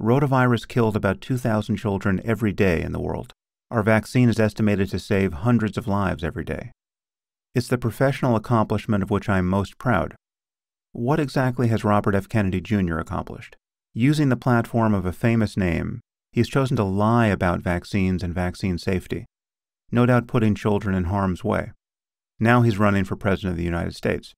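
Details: Adult male speaker; typical speech.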